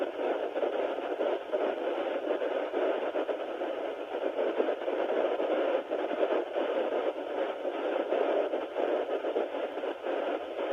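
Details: Sonoline B fetal Doppler at 9 weeks of pregnancy: steady hissing static with scratchy shifts as the probe moves, no clear regular heartbeat heard; unsure whether the baby's heartbeat is being picked up.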